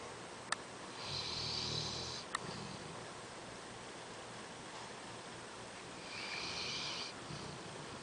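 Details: Sleeping dog with soft hissing snores on breathing in and quieter pauses between, in a quiet room; snoring.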